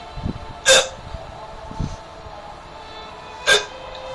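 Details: Two sharp, abrupt hiccups about three seconds apart against quiet room noise, in a boy with persistent hiccups since the night before last. They vary in intensity, worsened after eating a cheese burst, stop during sleep and restarted after drinking water.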